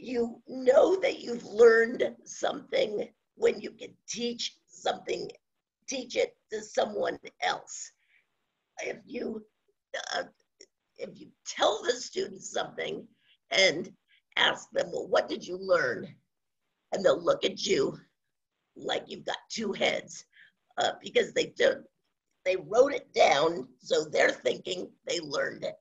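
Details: Adult woman with spasmodic dysphonia, onset around 2010, progressively worsening, no cure; awaiting a Botox injection that was postponed; spasmodic dysphonia.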